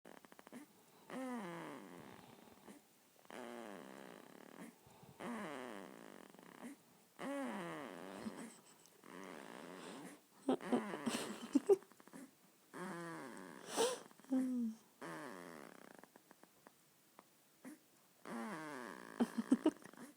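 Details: 2-week-old baby boy snoring while asleep: soft, squeaky, whistling snoring sounds with each breath, about every two seconds; infant snoring.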